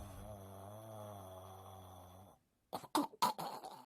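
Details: Drawn-out, droning snore-like sound, then silence and a quick burst of about four short, harsh coughs; from a snoring compilation.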